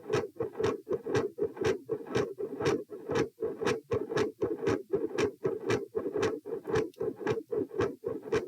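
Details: Heart sounds recorded at position p during sitting to standing: consistently loud S2, variable S1 and episodes of intermittent murmur.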